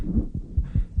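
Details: Extra heart sound (third or fourth heart sound or click) on pediatric heart auscultation, teaching recording.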